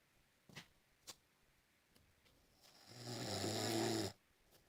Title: Butterman's Snore